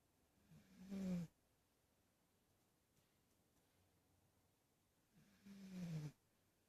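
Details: Two soft, low rumbling snores from a sleeping cat, about 13 breaths a minute, with a small hick-cough, in a quiet room.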